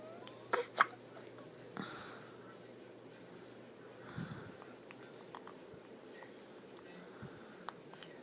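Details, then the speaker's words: Baby girl with hiccups: two quick, sharp, soft hiccup sounds near the start, then quieter scattered clicks over low room hiss; hiccups. "Poor baby got the hiccups."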